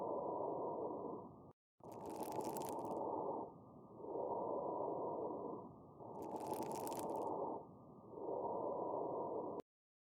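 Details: Lung sounds through a stethoscope: fine, high-pitched crackling heard mainly on inspiration, fine crackles (rales).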